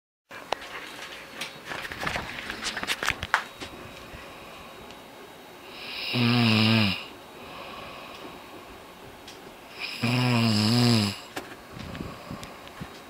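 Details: Person snoring: two loud, rattling, pitched snores about four seconds apart on inhalation, with quiet breathing and faint room noise between.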